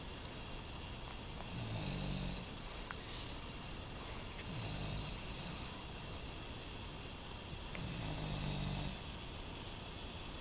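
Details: Young child and his father both snoring during sleep: low rumbling snores with each breath, about three in ten seconds, over steady room hum.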